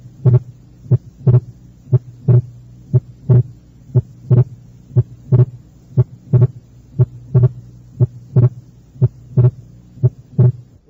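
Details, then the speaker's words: Wide splitting of S2 heard at the left second intercostal space, as in right bundle branch block: heartbeat near 60 per minute, S2 split during expiration, widening on inspiration. "fuera un desdoblamiento anormal del segundo ruido cardíaco como se encuentra en el bloqueo de la rama derecha el segundo ruido cardíaco está desdoblado durante la expiración y el desdoblamiento aumenta en la inspiración"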